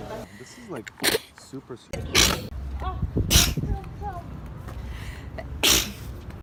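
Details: Candid real sneezing while travelling in 2018: several sharp, explosive sneezes with quick breaths between, amid background noise.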